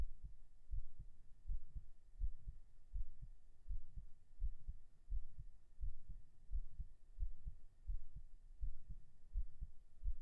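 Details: Heartbeat recorded binaurally right after 37 push-ups: regular low thumps at about 86 a minute over faint hiss; a normal heartbeat, mildly quickened after exercise.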